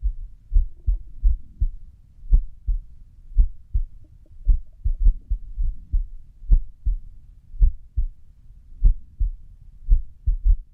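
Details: Heart sounds recorded at rest: low thumps at about 56 a minute with uneven gaps; irregular heartbeat (arrhythmia).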